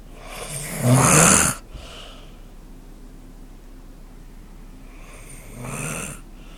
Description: Spooni snoring on the couch